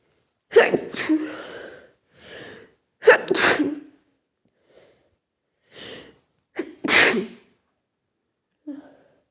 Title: Sneezing to much